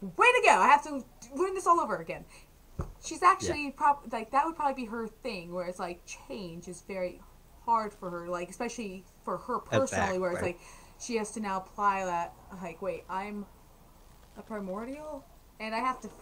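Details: Adult woman speaking; normal speech.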